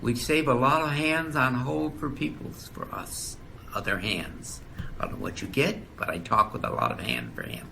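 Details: Male patient with damage to Wernicke's area (receptive aphasia) who does not understand the conversation, speaking in conversation: Wernicke's aphasia.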